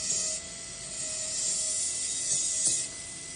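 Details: KOUNGSUN 1:1 fiber-optic contra-angle dental handpiece running: high, thin whirring whine with a faint steady tone, rising and falling slightly.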